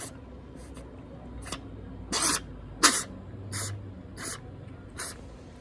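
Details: Cat sneezing multiple times, with nostrils blocked by nasal discharge.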